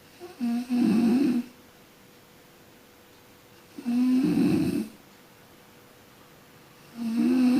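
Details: Snoring from a sleeping person: loud, low rattling snores on each breath in, about 19 a minute, with quiet pauses between.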